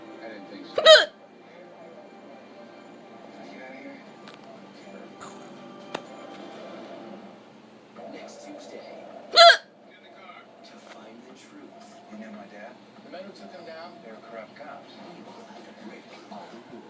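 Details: Hiccups in a person who reports they hurt and leave them out of breath: two sharp, loud hiccups about eight seconds apart over television dialogue and music.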